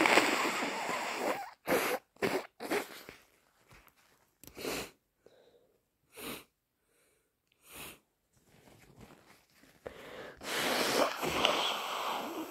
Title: Forceful, wet cold sneezes plus snotty blows